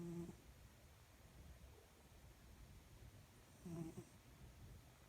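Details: A napping cat gives two short, low buzzing snores about four seconds apart, with quiet breathing between, in a small, still room: snoring.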